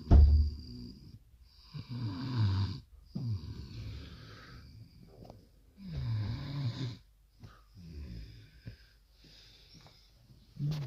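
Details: Snoring: loud, low, rattling snores repeating with each breath, separated by quiet gaps.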